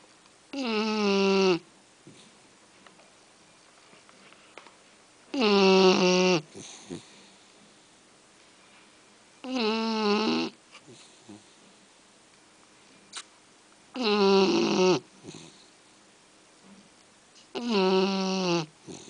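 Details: Snoring in a sleeping Shar-Pei puppy on a quieter day: five loud, tonal snoring sounds about every four seconds, roughly 14 breaths a minute.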